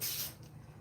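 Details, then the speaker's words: A single brief, hissy sneeze from a male pet cat, then quiet room hum. "my kitty just sneezed. Did y'all hear that? Bless you. Goodness. Goodness. My baby just sneezed."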